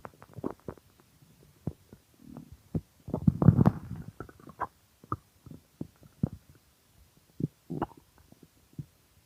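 Repeated gurgling, bubbling stomach growls with one longer rumble; loud hunger-related bowel sounds, a normal finding.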